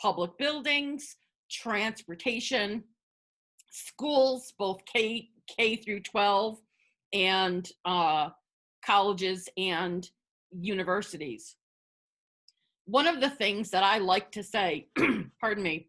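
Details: Adult woman who identifies as a person who stutters, speaking spontaneously as a webinar panelist, with word and part-word repetitions; stuttering.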